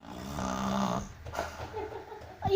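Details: Snoring of a sleeping dog: one loud, buzzing snore on the in-breath, then a quieter out-breath.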